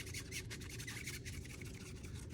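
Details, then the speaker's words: Student nurse skills check-off, holding the catheter steady: steady, rapid, vigorous antiseptic scrubbing in a square motion around the catheter insertion site for 30 seconds, before air drying. "I'm gonna hold this in place, and then I'm gonna scrub vigorously around the insertion site"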